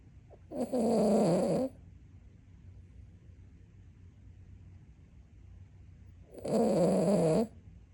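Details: Two loud, long, rough snores about six seconds apart with quiet breathing between, from a sleeping dog; snoring.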